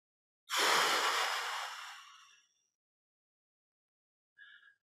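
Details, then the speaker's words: Chest physician demonstrating autogenic drainage: from quiet tidal breathing, one long forceful exhalation emptying the lungs, loud then fading over about two seconds, expelling the expiratory reserve volume down to residual volume. "so quiet breathing again try again so you are at tidal volume all right now expel your air completely"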